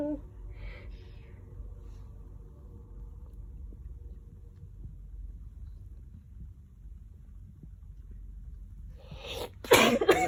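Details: Several seconds of quiet room hum, then a rising inhalation and a sudden, forceful explosive sneeze at the end: a strong sneeze.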